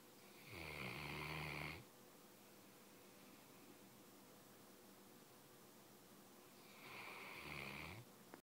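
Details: 3-year-old mastiff during an afternoon nap: two rough, rattling snores about six seconds apart over steady background hiss; snoring.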